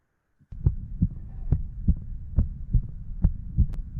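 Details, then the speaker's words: Prosthetic mitral valve: regular heartbeat near 70 a minute with a sharp, clicking metallic first heart sound, likened to a ticking wall clock. "कि इसमें जो first heart sound है, that is what in theory we called metallic. थोड़ी ज़रा जिस तरह it's actually, अगर आप उसको सुनना चाहते हैं तो कुल जिस wall clock लगी हुई होती है ना, तो sort of इस तरह की आवाज़ होती है."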